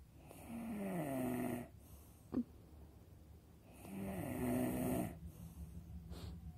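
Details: Snoring.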